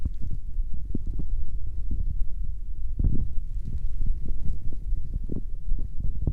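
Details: Continuous low rumbling and gurgling with irregular pops and a louder surge midway: stomach growling.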